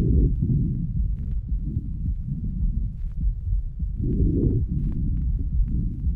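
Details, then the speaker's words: Normal breath sounds of a 3-year-old girl: soft, low, rustling breath sounds that rise and fall evenly with each breath. "El primer ruido que usted oirá es el patrón respiratorio normal de una niña de 3 años de edad."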